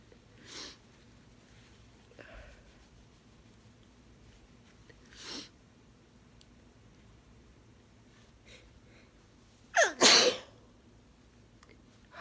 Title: Sneezing in tissue 🤧